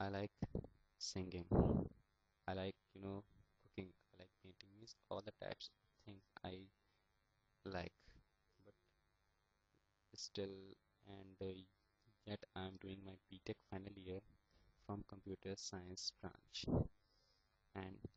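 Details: Stuttering in a young man, a final-year computer science student, who is attending stammering therapy sessions.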